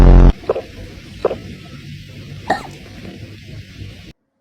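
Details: Cat with tiny hiccups after eating its food too fast: three soft, brief hiccup-like squeaks spaced irregularly over a few seconds, with a loud burst of music at the start.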